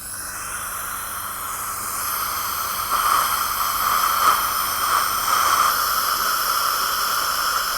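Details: Dental air-water syringe or airflow rinsing during a cleaning for a 55-year-old woman with inflamed, bleeding gums, after plaque-disclosing dye; steady hissing spray with soft gurgling.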